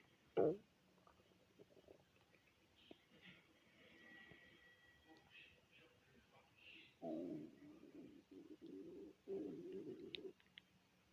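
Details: Hunger stomach growling (borborygmi) from a person who had not eaten all day since dinner the previous day: low gurgling and rumbling bursts in a quiet room.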